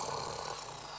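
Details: Snoring from obstructive sleep apnoea in a sleeping man, untreated, from a 1998 German TV report: a rough, rattling snore.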